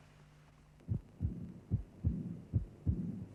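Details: Early diastolic murmur of aortic regurgitation from a cardiac auscultation teaching programme: a high-pitched, soft murmur beginning immediately with the second heart sound and inseparable from it, caused by aortic reflux in diastole.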